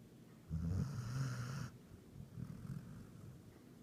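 A low, rumbling snore on one breath in, then a softer, quieter breath out: snoring during sleep.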